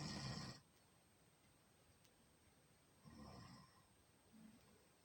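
Two or three rough, low snoring breaths separated by quiet pauses, with faint room hiss in between.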